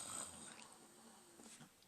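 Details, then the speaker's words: A sleeping female dog snoring softly, with faint quiet snorting breaths in a small room. "I don't know you can hear my dog snoring hey you apologize she is suck on that"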